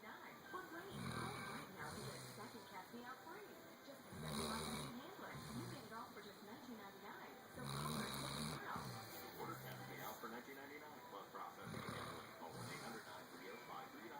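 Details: A male pit bull sleeping very hard, snoring: rough, rattling snores on the in-breath, roughly 17 a minute, with a steady hum in the background.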